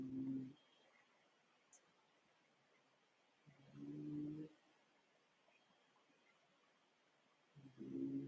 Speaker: my cat's snoring if you guys can hear that wondering what that noise is